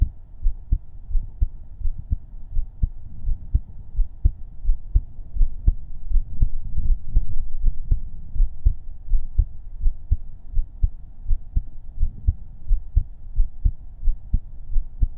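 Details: ASMR heartbeat-only livestream recorded with a 3Dio binaural microphone: a steady, low thumping heartbeat at about 80 beats a minute with a faint hum behind it.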